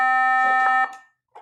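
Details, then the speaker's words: Steady electronic tone under a second from a defibrillator when charging is complete and a shock is ready, during paddle testing on a defibrillator analyzer. "So it's very easy. Just press this one button >> charge then give you alarm."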